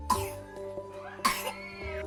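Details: A single short, sharp cough from a child in a hospital paediatric department, recorded in a real documentary and heard over steady background music.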